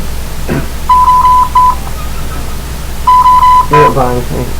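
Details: Drager Evita XL ventilator during a pressure support demonstration: two bursts of repeated high steady beeps, an alarm signalling an out-of-range reading, with brief voices in the background.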